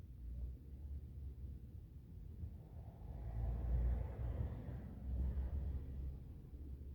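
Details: Low, continuous rumbling with swelling gurgles from an adult man's abdomen while digesting a meal: ordinary stomach growling (bowel sounds).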